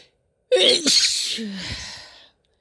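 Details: A woman's sneeze: a single sharp, hissing sneeze with a sudden burst of air, followed by a soft voiced trailing exhale.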